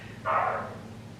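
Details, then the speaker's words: A single short, muffled cough from a young boy heard faintly over a baby monitor; he is said to be perfectly fine, just coughing. "Sorry if you can hear that noise. It's uh my son is coughing um at the moment. He's So you can just hear the monitor. He's perfectly fine, but yeah, he's he's just coughing."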